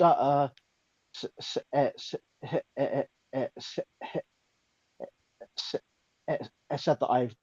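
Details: Stuttering in a female speaker who reports being mocked for her stutter; described by others as a speech impediment.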